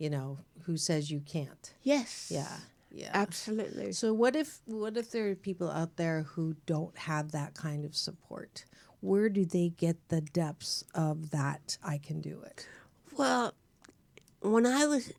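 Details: Adult woman speaking in a studio conversation, with a second voice likely present; normal speech.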